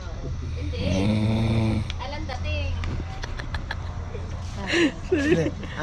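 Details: A sleeping person gives a loud, buzzing, rattling snore on the in-breath, with a steady low background hum and brief nearby voices; heavy snoring.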